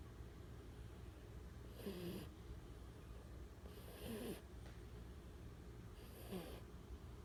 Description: Vivi a baby pitty loves to fall asleep and snore on the couch